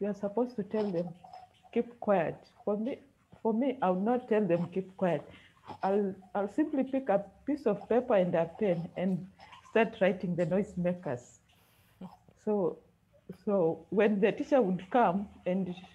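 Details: Adult female who speaks with a stammer; stuttering.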